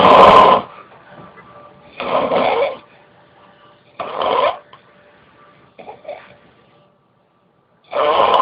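Rough, rasping snore bursts repeating every two seconds or so, with a faint steady hum in the room; snoring.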